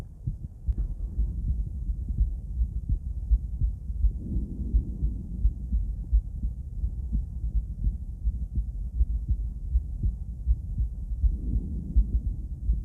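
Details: Female heart auscultated with different stethoscopes at Erb's point, mitral, tricuspid, aortic and pulmonic areas: soft steady lub-dub about 80 a minute, faint breath noise and rubbing; normal heart sounds.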